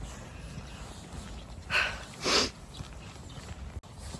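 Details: Sneeze recorded outdoors in public while birdwatching in the rain: a quick in-breath, then one sharp, hissing sneeze against outdoor background noise.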